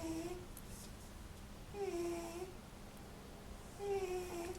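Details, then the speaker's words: A resting cat sitting on a chair snores, louder than usual, with soft whistling tones on each breath at about 30 breaths a minute: snoring. "Also, before I do that, I do want to just point out where that snoring noise is coming from. You can see there my cat, Kit Kat, is sitting on my chair. I am currently standing right now, and she is snoring."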